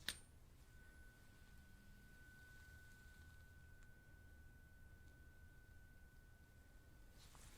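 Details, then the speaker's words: Simulated ASMR role-play hearing test: a sharp strike, then a pure steady tuning fork tone ringing for several seconds; the eyes-closed patient reports right or left ear; earwax obstruction suspected. "I need you to close their eyes and the moment that you notice the sound let me know then you're going to tell me if you hear it on the right or you hear it on the left"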